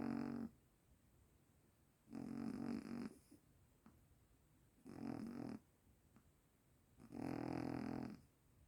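Loud, rumbling snores at a steady pace, about 14 breaths a minute, with quiet pauses in between.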